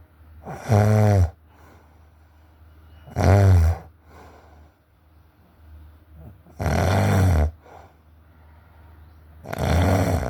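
Loud low rattling snores on each breath in, about four in ten seconds, with quiet breathing between; typical snoring.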